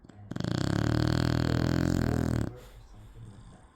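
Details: One loud, rumbling, fluttering snore lasting about two seconds, then quiet breathing, from a sleeping Shar Pei dog.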